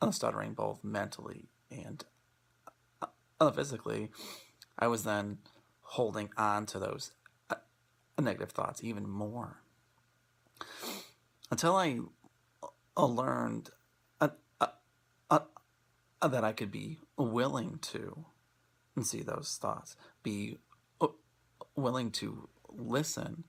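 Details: Adult male speaker; stuttering.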